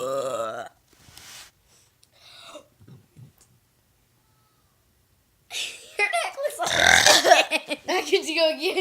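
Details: Deliberate burping during a burping challenge between a girl and another person taking turns: loud, drawn-out voiced belches, some hummed, with short talk between.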